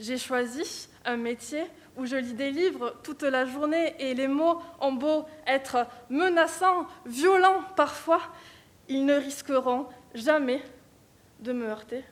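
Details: Female speaker who stutters, speaking French in a stuttering eloquence contest final before an audience: stuttering.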